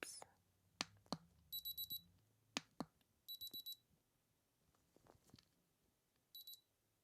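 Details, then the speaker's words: An ear thermometer used in a simulated role-play doctor home visit, on a patient with dizziness and chest discomfort: three bursts of high electronic beeping with soft handling clicks; the reading is 37.9 °C, a mild fever. "all right so firstly i'm just going to pop this thermometer into your airmen lovely all right just check your temperature get nice and still for me okay there we go pop that in there you'll hear some beeps"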